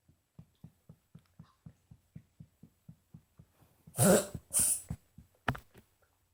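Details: Female dog coughing and dry heaving: a run of rapid rhythmic heaving grunts, then two harsh hacking coughs and a final gag, with stomach movements noted.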